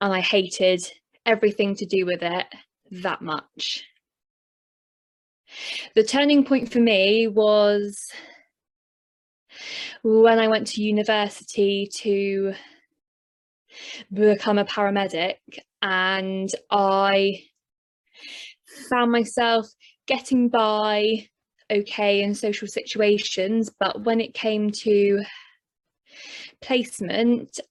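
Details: Stuttering in an adult male who stammers, recorded on the first day of his first stuttering course, before the programme.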